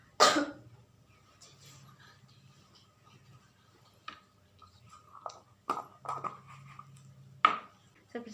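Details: Simulated nursing demonstration of deep breathing and effective cough technique to clear airway secretions on a woman patient: a few short, forceful coughs after deep breaths, with soft breathing and faint talk.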